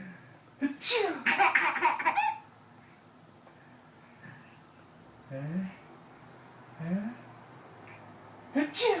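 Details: Several sharp sneeze-like bursts, one a quick double, with laughter and breathy sounds between in a small room; sneezing.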